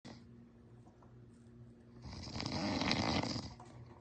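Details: Adult man (husband) snoring in sleep: quiet breathing rising into a loud, rough, rattling snore on the in-breath.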